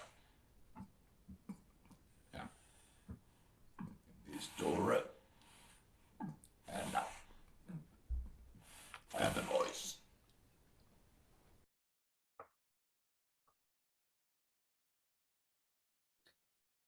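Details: Esophageal speech after laryngectomy, with air injected by the tongue base pushing against the back throat wall to vibrate the throat tissues.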